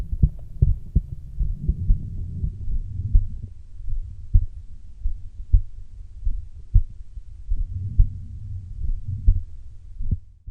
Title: Heart exam of girl auscultated with stethoscope